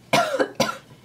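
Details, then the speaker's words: Adult with a sore throat and a tickly cough gives two short, dry cough bursts without rattle or wet sound; dry cough. "I'm battling a sore throat and I'm really bad like dry tickly cough at the moment I apologize I sound really bad right now and this tickle is like it's driving me insane"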